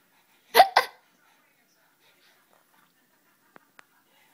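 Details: Child with hiccups, finding them funny: two quick voiced gulping sounds in close succession, then quiet; hiccups.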